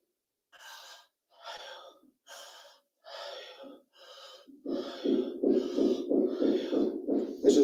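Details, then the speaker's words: Teaching demonstration for lung auscultation: a tubular (bronchial) breath sound imitated by mouth, with harsh, hollow blowing breaths in and out and an open 'ah' timbre. "no colocamos acá primero vamos a imitar un soplo tubárico luego un pleurítico en e un cavitario en o ya y si se notan los cambios todos son uno uno entrada y salida no la diferencia está en el timbre"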